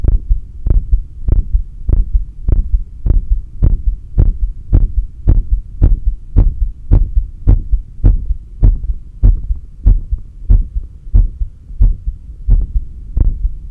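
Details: Strong, steady low heart thumps at roughly 105 beats a minute with a faint hum, recorded at the apex with a stethoscope during exhaled (stomach vacuum) and inhaled breath-holds; normal heart sounds.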